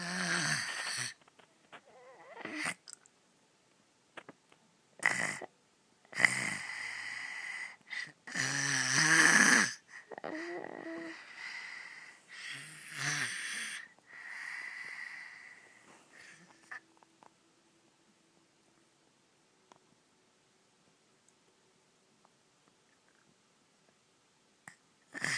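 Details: Loud, rattling snores in repeated bursts, then breathing quiets to near silence; snoring during sleep.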